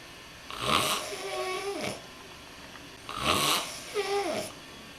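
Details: Snoring while asleep, recorded at a film festival: two breath cycles of noisy sleep breathing, a rough snort in and a whistling, whiny sound out; snoring.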